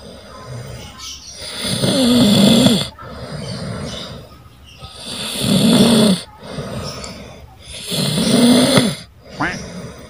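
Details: Younger sibling heavily snoring while asleep: loud, rough snores on each breath in, about 18 a minute, with quieter breathing out between.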